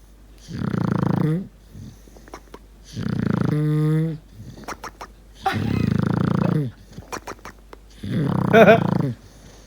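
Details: Four loud, rumbling snores in about ten seconds, some ending in fluttering or squeaky trills, from a deaf English bulldog puppy napping after playing all day in a cow field: noisy snoring with bizarre noises.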